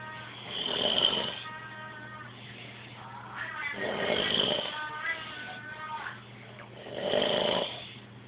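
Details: Three loud, rough, rattling breath sounds about every three seconds, roughly 20 a minute, with a steady hum behind them: a person snoring.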